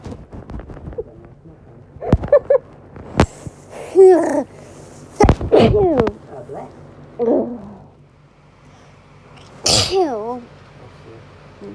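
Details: Several separate explosive sneezes with voiced gasps and short outbursts between them in a quiet room; repeated hay fever sneezing.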